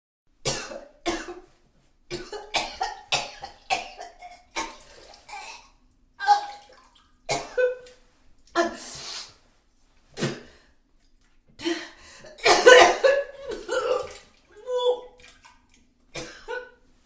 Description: Woman Vomiting Real Sound - Sound Effects.